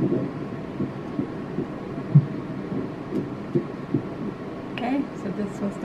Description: Our first ultrasound and we heard the baby's heart beat for the first time!